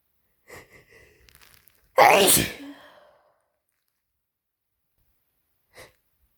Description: Cold update: My throat is getting so sore from how much I've been sneezing and I'm gonna run out of tissues before tomorrow at this rate.